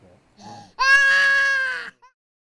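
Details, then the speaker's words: Newborn or infant with laryngomalacia (floppy, narrow voice box collapsing inward) on endoscopy; a high-pitched, musical crowing noise of about a second on breathing in, inspiratory stridor. "this is a floppy voice box very narrow and you can't see the vocal cords here is another example look at how everything flops in and note the Strider"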